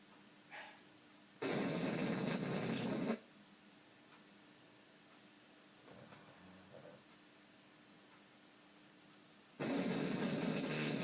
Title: Gracie the snoring bulldog